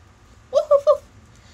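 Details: Vocal tics ('oof' and barking 'woof, woof') from a person with Tourette's.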